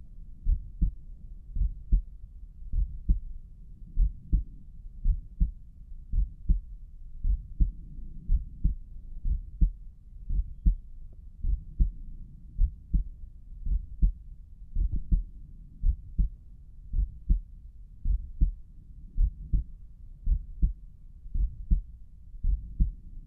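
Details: Heartbeat heard at Erb's point through stethoscope, recorded by a person whose heart was pounding hard with visibly pulsing carotid arteries; strong, low paired thumps at about 55 beats a minute.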